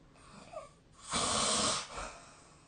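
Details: Snoring during sleep, recorded 2025/03/18: one harsh, rattling breath over quiet room noise.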